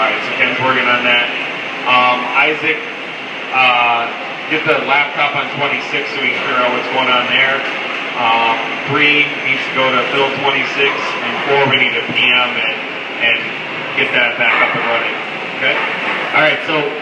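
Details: Adult man; ordinary speech.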